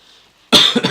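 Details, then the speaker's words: A single sharp, harsh cough from an adult after a quiet moment. The person mentions an ongoing cough over the past few weeks. "maybe my cough is because of Starbucks I mean that would make no sense but it is the common denominator these past few weeks"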